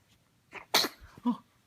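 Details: A baby gives a short in-breath, then a single sharp sneeze, followed by a small voiced sound: sneeze.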